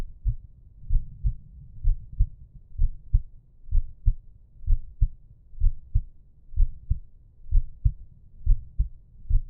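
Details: Steady low lub-dub thumps at about 63 beats a minute with faint soft background noise, recorded at rest; normal resting heartbeat.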